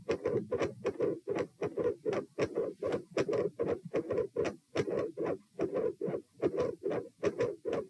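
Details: Auscultation stress test recorded at chest position P. Loud, rough, dense beats at about 77 bpm with extra noise around the second sound: a heart murmur.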